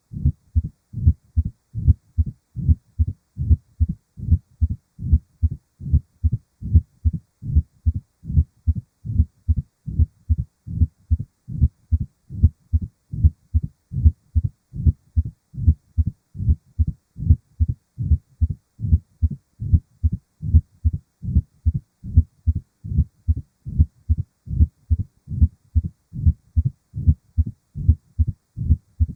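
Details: Mitral stenosis: regular low-pitched heartbeats around 74/min with a rumbling decrescendo-crescendo diastolic murmur filling the pause between beats.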